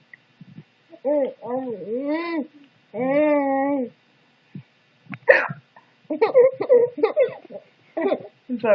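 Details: Baby laughs at mother's hiccups: a couple of brief, abrupt adult hiccup sounds amid an infant's drawn-out vocal sounds and chatter.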